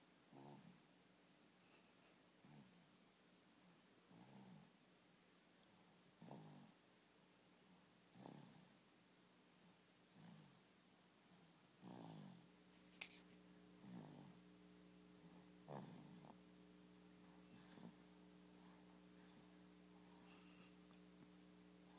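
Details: 16-week-old puppy snoring during a nap: soft, regular snores, about 30 breaths a minute, faint steady background hum.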